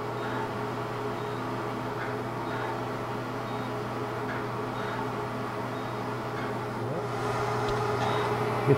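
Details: Fractional CO2 laser (DOT therapy) resurfacing of an adult woman's neck: steady machine hum with faint, rapid ticking as a line of pulses is fired in a systematic overlapping pattern.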